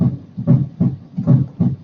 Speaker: see this is what normal sounds like